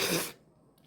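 A single loud, sharp, airy burst, like an acted sneeze or cough, fading quickly into quiet.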